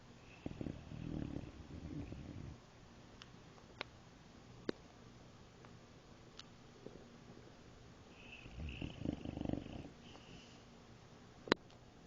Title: My German boxer "Chopper" snoring...Turn up volume.